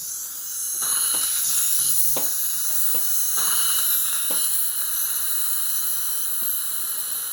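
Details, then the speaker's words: High hissing whine of an ultrasonic scaler with suction slurping and faint clicks, scaling the lower anterior teeth while a Diadent suction mirror retracts the tongue on the lower right side; ultrasonic scaler with suction. "so i'll be doing i'll be retracting the tongue on the lower right side and then i'll be uh scaling the lower anteriors and then on the separate video i'll do the upper right molars"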